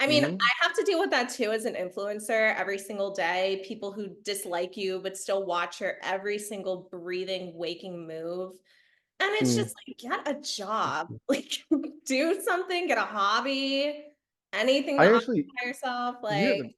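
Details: Adult woman speaking; normal speech.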